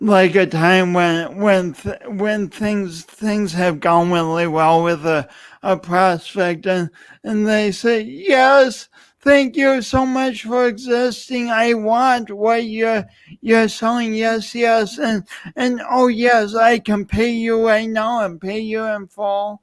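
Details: Adult man with dysarthric speech (speech impediment), pronounced and lifelong, attributed to loss of oxygen and breath at birth; he also has an unusual walk.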